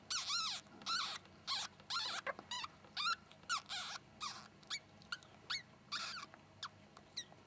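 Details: First sable ferret kit just born, blind and hairless, as the mother cleans it: repeated high, thin squeaks and chirps; newborn ferret kit cries.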